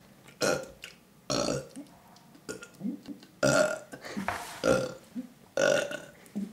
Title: 100 Burps in 20 minutes!!?